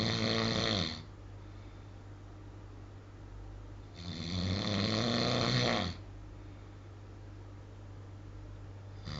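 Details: Real recording of a man snoring at night: loud, rattling snores on each breath in, about 13 a minute, with quiet gaps between; ordinary snoring.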